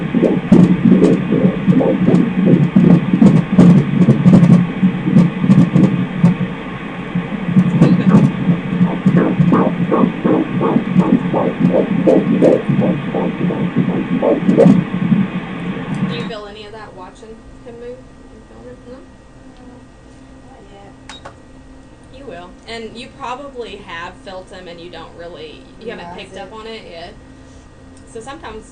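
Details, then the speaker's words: Fetal heartbeat of a baby boy on a sonogram Doppler: fast, regular whooshing pulses, then quiet room sound. "let's listen to that heartbeat again getting such a good clear picture is beautiful"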